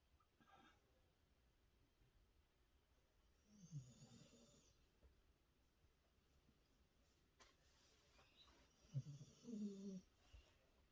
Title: Sleeping with my Dog has Scientific Benefits | listen to my Dog Snore#sleeping#doglover#snore